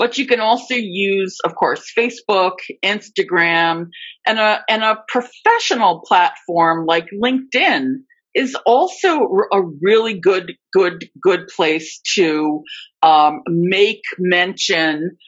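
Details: Adult female who reports being a covert stutterer for more than 30-35 years; stuttering with repetitions of words and parts of words.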